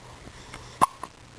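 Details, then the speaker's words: Hiccups in a 5-day-old baby girl: a sharp, sudden catch in the throat followed by a softer second one. "It's no fun to have the hiccups huh"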